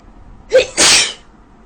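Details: A woman with a very bad cold: a single sneeze, with a short voiced intake followed by a sharp, hissing burst of air.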